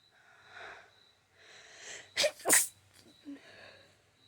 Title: Allergies: Sneezes and nose blowing!